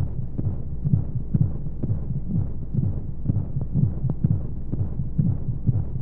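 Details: Baby sleep aid womb sound: muffled rhythmic low heartbeat thumps, about 125 per minute, under a steady white-noise hush, as heard from inside the womb.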